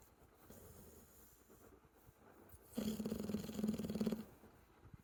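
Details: Sleeping American Bully dog gives a single loud, fluttering, pig-like snorting snore, with quieter breathing before and after; snoring.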